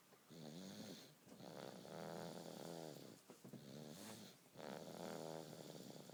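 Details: Quick, repeated snuffly snores over a steady room hiss from a sleeping baby.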